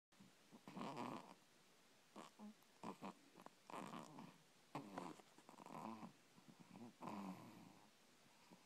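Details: Sleeping dog snoring: repeated soft, grumbling snorts and snores in short bursts with a growl-like vibration.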